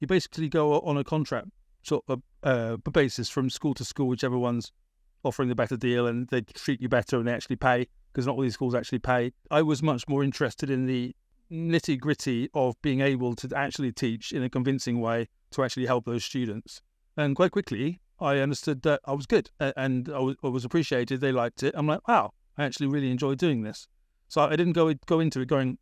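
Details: Adult British man born 1975 with a persistent stammer, worst around age 28-29, treated with speech therapy in Britain after his Masters, still stammering now; stammering (stuttering).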